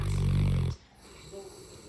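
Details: Saint Bernard snoring loudly: one deep, loud, rumbling snore lasting under a second, then quiet breathing.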